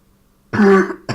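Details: Harsh, voiced throat clearing followed by the start of a second one in a quiet room, from a person who says they are sick and apologises for coughing.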